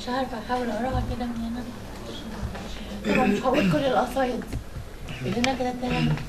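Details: Dysphonia in a female poet, which she attributes to something happening to her vocal cords after mechanical ventilation; Arabic speech.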